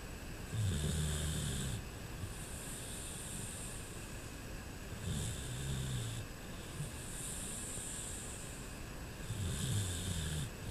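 Deep, rhythmic rumbling snores about every four to five seconds over a steady background hum.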